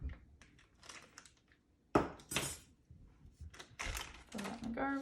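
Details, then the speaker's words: Sharp metallic clatters and rustling packaging as a nurse drops scissors onto a sterile field while setting up a sacral wound dressing with packing. "so my scissors aren't in here i'm just gonna add my scissors to my sterile field"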